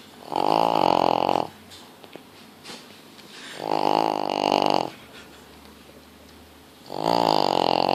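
Loud rattling, buzzy noises on each breath, about three in eight seconds, with quiet gaps between: snoring from a short-nosed dog.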